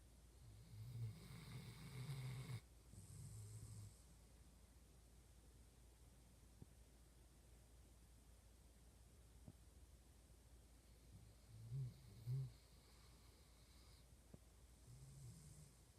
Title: Doggie snoring 💤